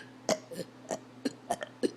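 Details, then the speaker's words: Person burping repeatedly after drinking a lot of water (about three gallons that day): a rapid run of short, gulping burps, about five in two seconds, with a faint steady hum. "this man keep on burping whenever I want to it just W wounds me out when I do that I just I drink a lot of water like three gallons today"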